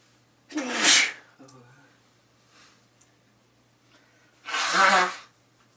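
Two loud, explosive bursts of air about four seconds apart, each with a sharp voiced onset: two sneezes in a quiet room.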